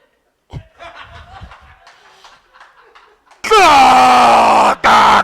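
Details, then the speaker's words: Comedian's acted imitation of sleep apnea snoring, soft palate closing the airway while asleep on the back: quiet crowd noise, then a sudden loud, strained, voiced snorting gasp. "So this is what it sounds like if you've got sleep apnea, all right?"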